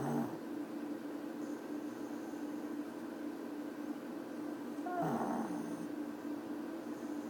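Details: Sleeping dog gives two rough snoring breaths over a steady, low, droning background hum.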